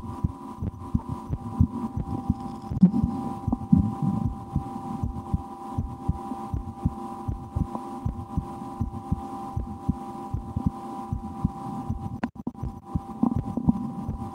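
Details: Own heartbeat heard through a stethoscope in an ASMR recording, after a lunch with loud digestion: soft repeated low thumps partly masked by hum and rustling; normal heart sounds.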